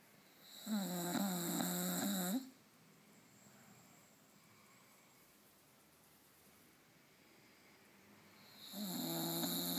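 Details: Snoring in a sleeping bulldog: loud, rough, tonal snores on two breaths separated by a quiet pause.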